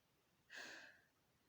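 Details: Sleeping parent, the father, snoring at home. One short, hissing, snort-like breath in a quiet room; noisy breathing.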